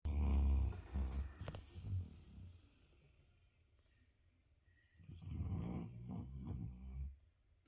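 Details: Two low, rough, rumbling breaths separated by quiet from a sleeping dog; snoring.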